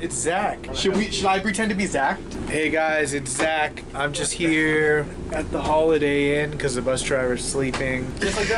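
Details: Adult male speaker; normal voice.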